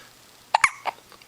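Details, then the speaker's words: A 10-day-old baby girl with hiccups: two or three quick, sharp hiccup sounds close together, whole body shaking with each, in a quiet background. "You got hiccups? Yeah, there's one. There's another hiccup. Poor girl."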